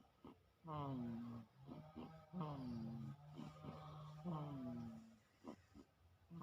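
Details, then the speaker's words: A parent's own child snoring: quiet, groaning voiced snores on several breaths, low and drawn out, with soft breathing between; snoring. "Anakku ngorok."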